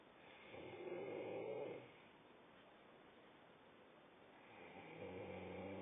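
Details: Daughter snoring while asleep: soft, low, fluttering snores on each in-breath with quiet pauses between, and she keeps sleeping; snoring.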